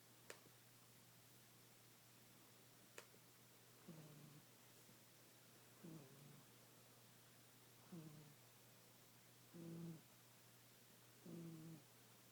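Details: A cat asleep after a rough night and day, giving soft, low snores about every two seconds against a steady hum, with a few clicks early on; snoring.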